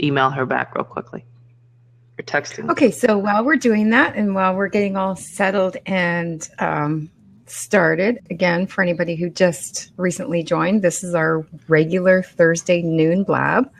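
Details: Adult woman speaking; normal speech.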